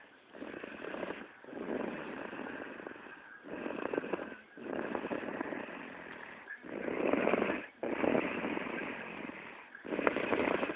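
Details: Rough, rattling snores in repeated long breath cycles, about 19 a minute, with brief quiet gaps between them: snoring.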